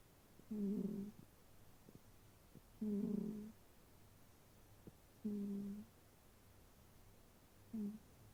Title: Snoring Cat. So sweet! 💤💤💤😻